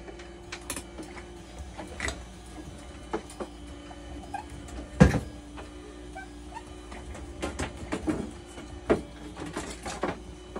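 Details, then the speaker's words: Dialysis machine continuing heat disinfection after a leak was found during disinfection and a broken tie wrap was replaced; steady low hum with a faint tone and irregular valve and pump clicks and knocks. "So ngayon pinalitan natin, kukontinue na natin yung heat disinfect niya para matapos na."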